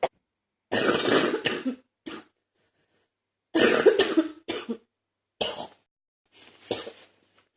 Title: Wet phlegmy cough